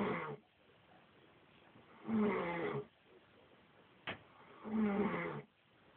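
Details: Loud, rough, rattling snores on each in-breath, about two to three every six seconds, with quiet pauses between; adult woman (ex-wife) snoring.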